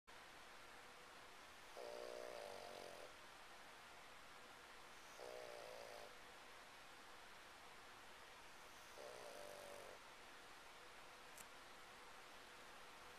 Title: TuffGuy Snoring Away: A Man and His Puggle on a Stormy Afternoon